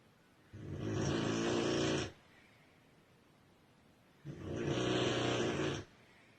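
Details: Female sleeper snoring heavily: two long, very loud, raspy snores of about one and a half seconds each, with quiet pauses between; heavy snoring.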